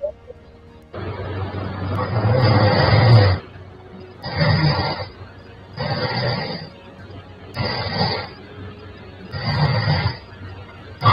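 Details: Loud, low, rasping bursts, about six in eleven seconds, with quieter gaps: heavy snoring from a woman's home sleep recording before oral appliance treatment; she snored 155 of 370 minutes slept (41%).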